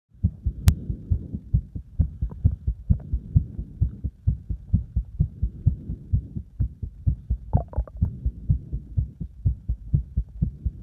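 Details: Strong, fast, loud, pounding low heartbeat thumps, about 130 a minute, with some rubbing noise from the chest; heart sounds recorded with cardiac massage and chest compression.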